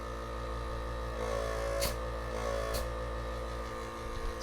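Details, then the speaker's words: Philips Respironics nebulizer compressor running after a teardown and reassembly, with tubing attached: a loud, steady droning rumble with buzzing overtones, briefly muffled when the sides of the unit are covered. "pretty noisy device, actually. Oh, look at that. If you cover the sides, makes it muffled."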